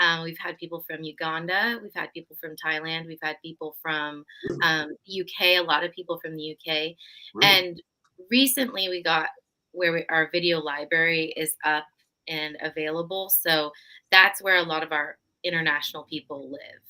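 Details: Adult woman; no disorder.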